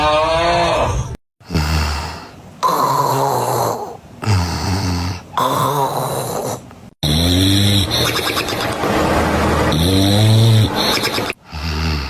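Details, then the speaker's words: Loud snoring in which the breathing cuts off and then restarts, the third of six snoring types played; a pathological snore of sleep apnoea-hypopnoea syndrome. "不卖关子了啊，告诉大家正确答案就是第3种，刚才那种断气式的打呼噜。其实这种打呼噜是一种病态的打呼噜，有个医学名词叫睡眠呼吸暂停低通气综合征。"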